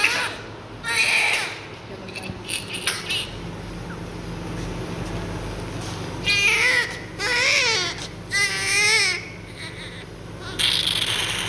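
Several short, bursting newborn cries with brief whimpers between, in a quiet room: an ordinary newborn cry.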